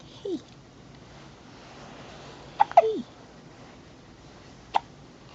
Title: more hiccups (3 days old)